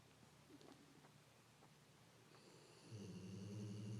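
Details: Sleeping dog snoring: soft breathing, then a loud, low rattling snore on the breath.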